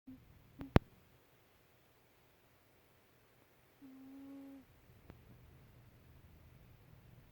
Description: My fat cat snoring